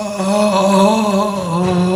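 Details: 50-year-old man with a tracheostomy after a previous haemorrhage; after cuff deflation, the clinician occludes the tube with a finger and he produces voice: voicing with finger occlusion of tracheostomy tube.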